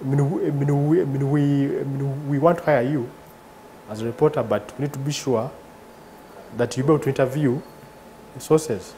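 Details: 38-year-old man, father of two, who has stuttered since about age three; stuttering.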